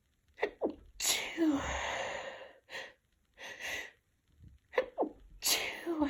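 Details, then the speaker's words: Adult woman who is sick with a tickly nose and mild congestion, after trying chhinkni to trigger sneezing: repeated big sneezes, some wet and open, some stifled, each with a sharp intake of breath. "Oh, I can feel it building, but wait. Oh. Oh, there we go. Oh my god, they're so big."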